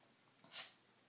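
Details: Pet sneezing on request when he wants something, owner asking him to sneeze again: a single short, sharp, hissing burst of air in a quiet room.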